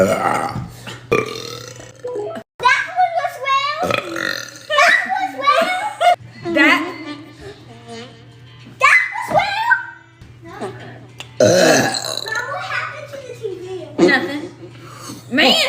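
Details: Loud burps among chatter from a child and adults, with music in the background: burping.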